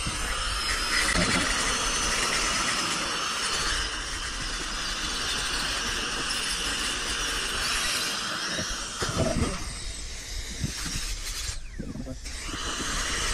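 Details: Continuous high hiss and squeal of dental suction and handpiece during a tooth extraction, with brief pauses near the end.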